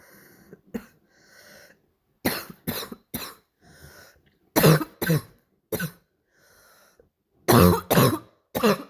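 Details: Repeated harsh, abrupt coughs with brief throat clearing, an imitated barking cough that the maker is still practicing; barking cough.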